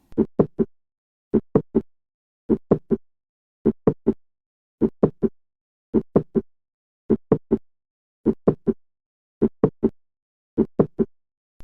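Slow regular heartbeat with a sharp extra click midway between the first and second heart sounds.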